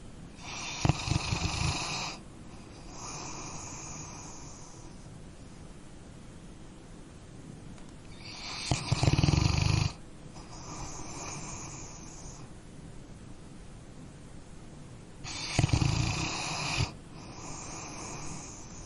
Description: Cute Sleeping Dog Snores - Copyright Free.